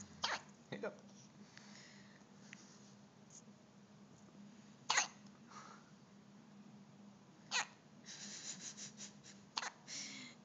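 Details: Child with hiccups: soft, sharp, irregular gulping bursts every few seconds in a quiet room; hiccups.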